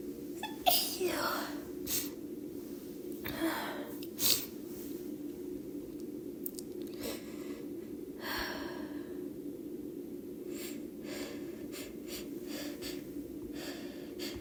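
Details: A few soft sneezes with quick breathy buildups from a female, deliberately induced, over a steady low room hum; ordinary sneezing.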